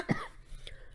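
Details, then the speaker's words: Cough from a man who says he is recovering from an illness he calls "covered": one short, deep cough burst in a quiet room. "um I'm sorry about all them I'm coughing um like I said I have covered but I'm coming around the bend"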